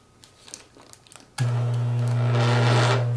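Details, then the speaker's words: Dental lab vibrator switched on at low setting, covered with a plastic bag, before placing a bowl of mixed dental stone to remove air when pouring alginate impressions: soft handling noises then a steady low buzzing hum. "turn the vibrator on low and place the bowl on the work surface covering the vibrator with a plastic bag will make for easier cleanup"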